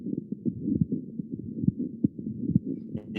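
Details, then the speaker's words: Pericardial friction rub in a patient with endocarditis involving the pericardium: scratchy, creaking sounds like creaking leather or a hand rubbed across a wet balloon, at about 69 a minute, distinct from a murmur or click. "so you're close in the sense that it's not a it's not a it's not a murmur so it's a it's another sound yeah exactly this is a pericardial friction rub and i'll play it again"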